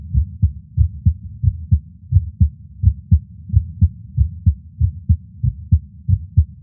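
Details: Heart at rest, audio recorded separately from an echocardiogram: steady, regular lub-dub at about 92 beats a minute with clear paired low thumps; normal resting heartbeat.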